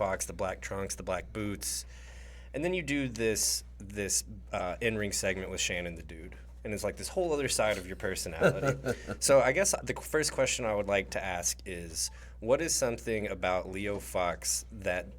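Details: Adult male interviewer; Typical speech.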